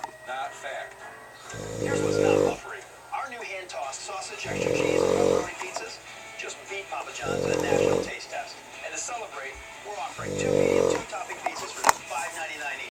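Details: Man asleep at home with the TV on: four loud, rough, rumbling inspiratory snores about every three seconds, roughly 20 breaths a minute, with television talk and music behind; snoring.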